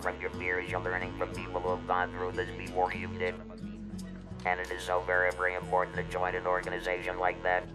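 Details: Electrolaryngeal speech from an adult male after laryngectomy for laryngeal cancer, using an electrolarynx for about 14 years.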